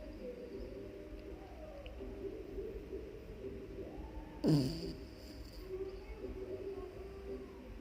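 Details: Sleeping puppy snoring: a steady low rumbling, purr-like snore with one brief louder snort midway.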